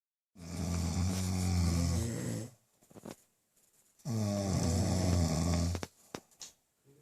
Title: Snoring compilation